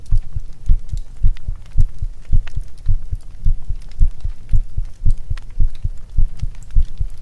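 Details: ASMR fox-girl (kitsune) cuddle roleplay: a steady, regular low heartbeat at about 110 beats a minute over soft crackling fireplace ambience; a normal heartbeat.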